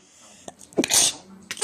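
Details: Adult woman sneezing while her 7-month-old baby giggles at it: a brief in-breath, then one sharp, hissing sneeze burst.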